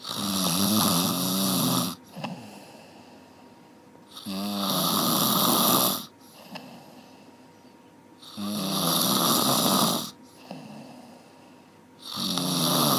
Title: 1 Hour Snoring เสียงกรน 1ชั่วโมง